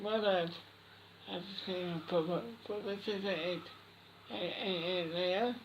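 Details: Boy with cri du chat syndrome answering questions: Cri du chat syndrome speech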